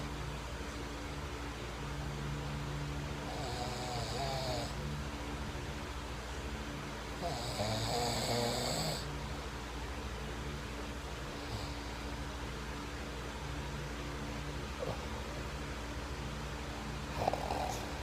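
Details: Soft, irregular snoring with a couple of louder snorting breaths over low room noise, from a man whose snoring sounds different every time; here it is not considered a serious medical issue.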